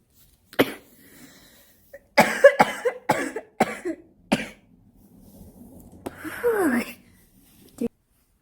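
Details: Smoker's cough from a self-described smoker with "black lungs": repeated harsh coughs in a prolonged fit, after which the smoker wants a cigarette to calm down.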